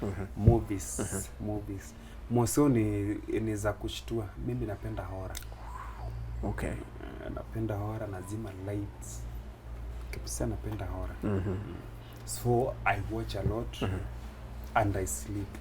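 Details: Stuttering (stammering) in an adult Kenyan man who says he is a stammerer and uses stammering in his comedy.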